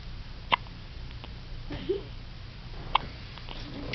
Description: Baby first hiccups! This will be the first of many to share with family and friends!